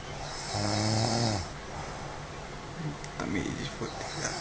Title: SLEEPING ASS SNORING